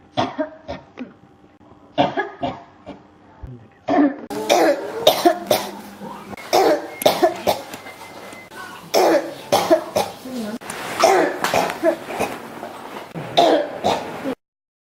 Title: 咳が止まらない 33 cough